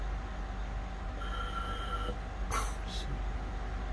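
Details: Oxymag ventilator cycling at FiO2 100%, set tidal volume 500 ml, rate 14, I:E 1:2, square flow, PEEP 5, with oxygen consumption about 7–8 L/min from a cylinder; mechanical ventilator cycling.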